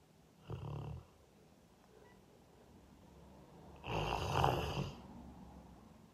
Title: Is this the loudest snoring dog in the world?